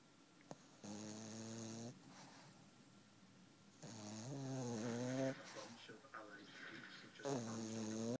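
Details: Black pug napping, loud buzzing snores, about three in eight seconds, with quieter breathing between; ordinary snoring.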